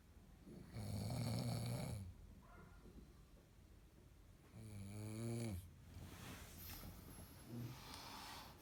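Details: A person deeply asleep gives a deep, rumbling, rattling snore on two breaths, separated by quiet exhalations.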